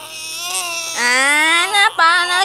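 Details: One-month-old infant crying in loud, high-pitched, sustained wails with brief catches of breath.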